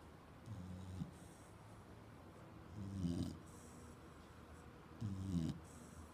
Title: pig snores